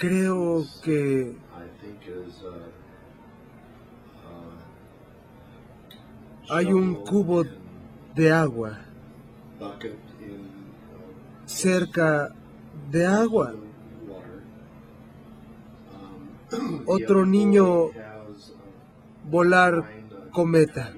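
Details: 57-year-old right-handed man with nonfluent variant primary progressive aphasia, symptom onset 2 years earlier, without evident apraxia of speech, describing a picture; agrammatism.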